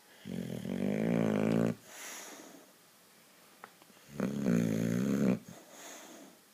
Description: Dog sitting for my sisters lovely boxer sox, she is soooo loud!